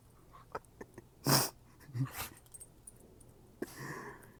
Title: My dog Chevy sneezing